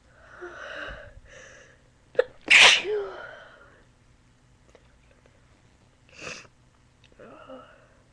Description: Me trying not 2 sneeze but failing